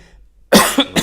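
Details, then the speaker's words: Two short, harsh, wet, phlegmy cough bursts from an adult. "Well, I have some phlegms in my throat right now that make me cough."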